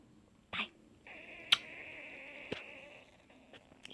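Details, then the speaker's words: Adult woman after gastric sleeve surgery, not hungry, nauseated: drawn-out wavering squeal-like gurgle about two seconds with faint clicks; her stomach constantly gurgles and growls since surgery; borborygmi (stomach growling). "you hear my tummy growling I'm not hungry at all if I got puke I can barely drink my coffee it does that"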